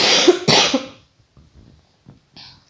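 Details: Two harsh coughs in quick succession, then quiet breathy sounds, from a woman with a severe cold and heavy coughing since the day before, only briefly eased by medicine and hot water; painful cough.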